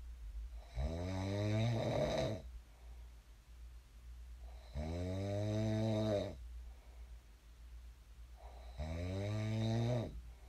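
Three long, loud, tonal snores on in-breaths with quiet out-breaths between, about fifteen breaths a minute. Snoring.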